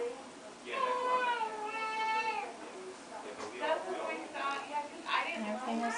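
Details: Several high-pitched, wavering cries with short breaths between from a 3-day-old newborn during a gentle chiropractic adjustment; an ordinary infant cry.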